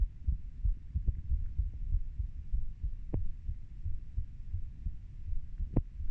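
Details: Normal heart sounds of a 30-year-old, recorded by the person themself: soft low thumping heartbeat, roughly 80 beats a minute, with a few louder clicks and background rumble.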